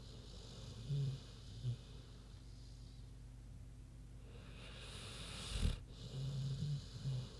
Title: Big Pig Snoozin' (HD Queenie Snoring Audio)